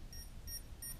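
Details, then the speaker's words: Three short high electronic beeps over room noise: a Medtronic Enlite continuous glucose monitor linked to a MiniMed pump alerting for sensor and calibration error, asking for a meter blood glucose. "I'm gonna show you what it's beeping for. Right after, so before I left to go to the grocery store, it was having the error."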